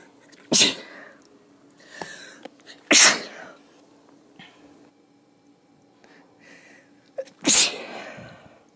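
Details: A female (F) gives three sharp, forceful sneezes, with a smaller stifled, held-back sneeze between the first two; sneezing.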